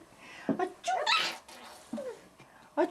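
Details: Adult mother sneezes while her young child laughs: one sudden, forceful sneeze burst, with the child's voice and small vocal sounds around it in a quiet room.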